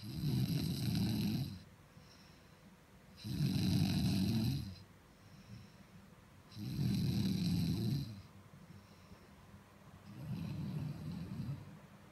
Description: Loudest snore you could ever hear to a beautiful girl.... 😋